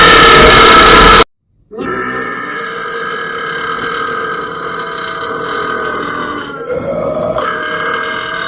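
A loud burst, a brief silence, then a long, drawn-out, tonal belch lasting several seconds; a prolonged burp.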